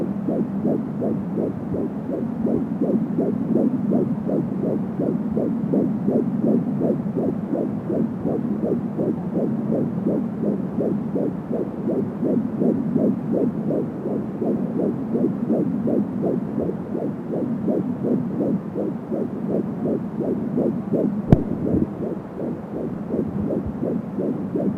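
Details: Fetal heartbeat at 13 weeks of pregnancy heard with an Angel Sound home Doppler: rapid, steady whooshing pulses at about 170 beats a minute, with whooshing umbilical cord sounds.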